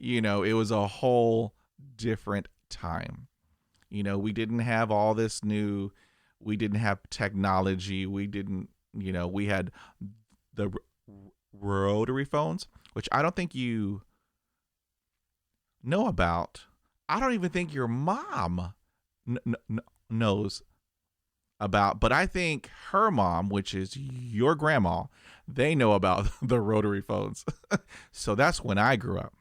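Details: 50-year-old man who has stuttered for 45 years, with 20 years of speech therapy; reports blocks with eye closing and arm movements; stuttering.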